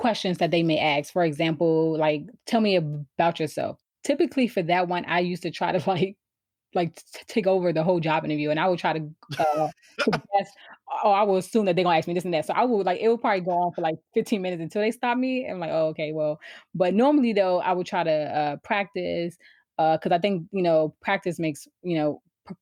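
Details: Adult woman who has stuttered since she began to speak, around age four or five, with trouble getting started on words; stuttering.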